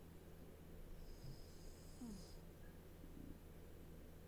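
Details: Three-year-old ragdoll cat asleep and snoring: quiet, low rumbling breath sounds over steady room noise.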